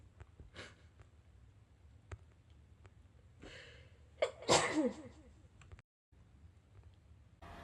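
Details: Sneeze: a short breathy intake followed by a single sharp sneeze burst in a quiet room, from a Japanese girl.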